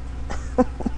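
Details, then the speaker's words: A couple of short, throaty, congested coughs in a quiet room from a woman nearly 43 who has been sick since returning home from a trip, with "stuff in my lungs" that won't clear and coughing most of the night. "but I coughed most of last night and this morning when I got up my husband had laid the mucinex on my laptop so poor fella I probably kept him awake all night but I just can't get over it"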